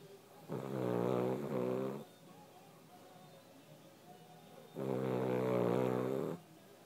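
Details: Dog snoring while sleeping: two long, buzzing, nasal snores with quiet breathing between.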